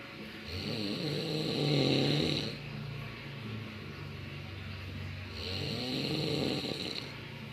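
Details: A friend snoring while asleep, filmed as a prank.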